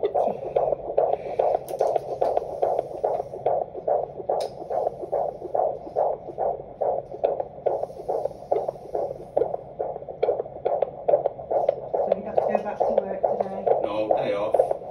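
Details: Fetal heartbeat at 31 weeks of pregnancy: rapid, regular whooshing beats at about 140 a minute, within the normal range.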